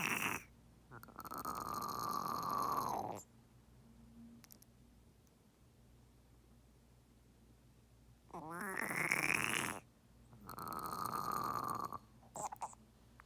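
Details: Loud, drawn-out rasping croaks and gasping from a female pet turtle with pneumonia, swimming open-mouthed and unable to submerge; treated with ceftazidime injections for 3 weeks and improving.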